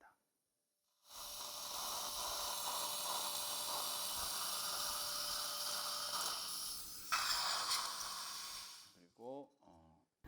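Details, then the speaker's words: Dental implant surgery with guided template, site after socket preservation with no buccal wall: steady high whirring of the 4.0 by 10 mm final drill in still-soft bone for several seconds, then stopping; dental implant drill. "The bone was still soft, therefore 4.0 by 10 mm drill was used as final drill."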